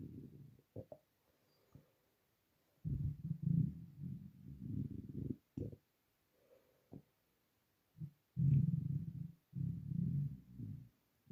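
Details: Loud, low, bubbling gurgles and rumbles in irregular waves from a starving stomach, audible even without a microphone; hunger borborygmi.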